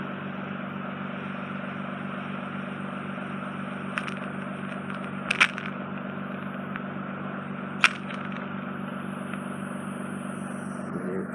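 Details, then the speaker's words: Endoscopic microsuction of wet wax around the top of an inflamed, scarred tympanosclerotic eardrum and the base of the ear canal; steady suction hiss with sharp cracks and pops as wax is drawn off. "We've just got some on the base of the ear canal, so I'll get that out for you."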